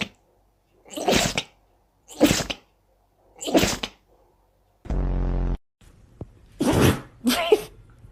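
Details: Dog sneezing: a run of about five short, sharp sneezes with a brief low buzzing noise in between.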